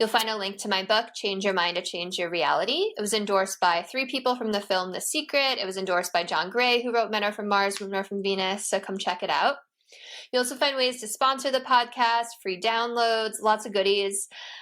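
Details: Adult speaker, podcast host; normal speech.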